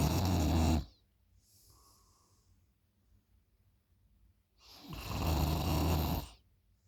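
Two loud, deep, rattling snores separated by a quiet pause; ordinary heavy snoring during sleep.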